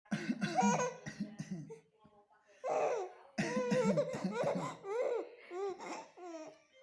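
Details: A father's deliberate, playful coughs answered by his 5-month-old baby's bright laughter in a small room; not a sign of illness.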